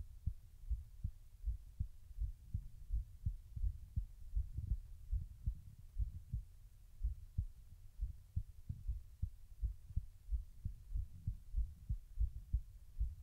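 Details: Own heartbeat recorded while trying to slow the heart rate: soft, low thumps repeating steadily with faint background hum.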